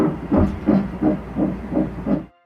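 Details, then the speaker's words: Fetal heartbeat of one of twins on Doppler at a pregnancy checkup: rapid, regular whooshing at about 170 beats a minute; the twins' heartbeats were hard to separate. "Sometimes it's hard to separate the heartbeats when you're having twins. So she sends me to their ultrasound technician for a second look. And she finds 2 heartbeats."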